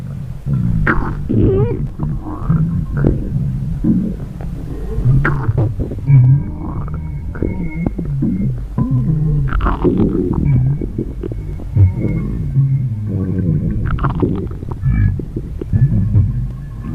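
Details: Empty stomach growling (borborygmi), heard close up: continuous loud, low rumbling and gurgling with squeaky, whining swoops; normal gut activity.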